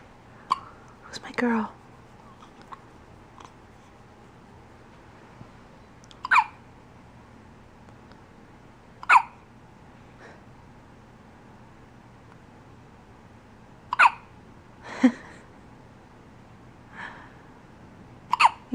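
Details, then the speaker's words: Dog with hiccups: a string of short, sharp hiccups at irregular gaps in a quiet room. "Are you done with the hiccups? No?"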